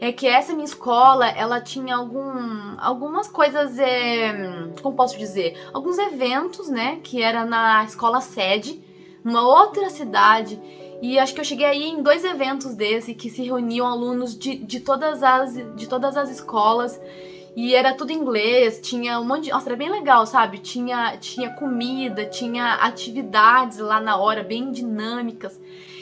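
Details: Adult woman, 25, who stutters, with stuttering since adolescence or earlier; stuttering.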